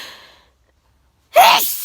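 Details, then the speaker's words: A brief fading breath noise, a second of silence, then a sudden loud explosive sneeze from an adult outdoors without air cleaners, sneezing again; sneezing. "Oh dear. Yeah, I've started sneezing again because I'm back outside with no air cleaners."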